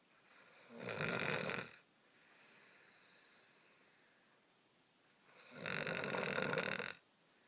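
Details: Two long, loud, rasping snores about four seconds apart with quiet breathing between, from a sleeping dog.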